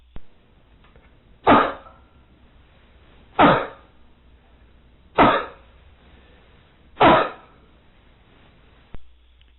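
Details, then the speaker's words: Adult demonstrating the cough sound as part of breathing exercises: four sharp, evenly spaced voluntary coughs. "finally the cough sound and then i'll turn to the sounds that are produced during actual exercises other than just the breathing exercises"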